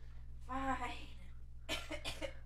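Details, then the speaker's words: Coughing in the background from a person who has been sick for a while, described as just mucus. "you guys could probably hear the coughing in the background yeah pink foxes still sick after like a while now"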